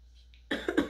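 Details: Cough from a sick adult with a stuffy nose and a painful throat on swallowing, feeling low on energy but better than the day before: three short, quick cough bursts after a quiet pause, brief and dry-sounding.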